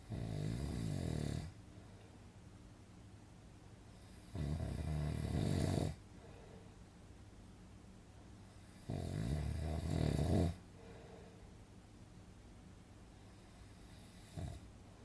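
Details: Loud, rattling snores on each in-breath, about every four to five seconds, with quiet pauses between; a snoring sound effect; snoring.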